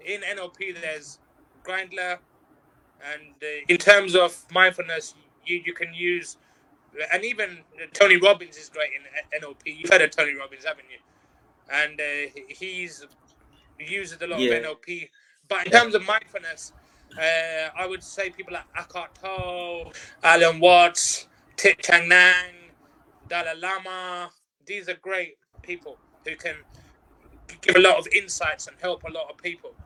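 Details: Stuttering in an adult interview guest who practises mindfulness and neuro-linguistic programming and says he has overcome stuttering at work through working on himself.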